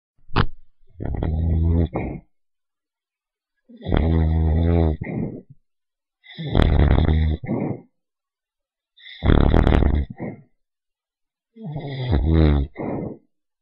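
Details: Small dog asleep: loud, low rattling snores about every 2.5 seconds, each a long inward snore then a short one, in a quiet room; heavy snoring.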